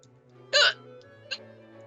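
One abrupt, sharp hiccup and a fainter second catch, with music in the background.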